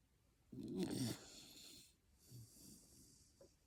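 A sleeping dog gives a rattling, snorting snore on the in-breath, followed by a softer breath out.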